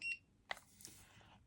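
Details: Kaugic ear wax removal kit with camera and ear irrigation system: a short high electronic beep, then a click and faint handling sounds as the irrigation device is switched on; its indicator shows blue for cold water, green for warm.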